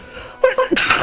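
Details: A person with a big cold sneezes once, a short catching breath in followed by a sharp burst of air out; sneeze.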